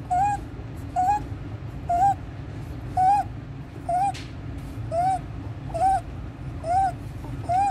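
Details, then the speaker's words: 15-day-old full-term baby with inspiratory stridor: high-pitched crowing on each breath in, about 65 a minute, with suprasternal and intercostal retractions, severe chest indrawing and desaturation, increased with crying and feeding. "this 15 days old full-term baby admitted to the eponymous Federation in the McCallum resort just maybe having inspiratory stridor"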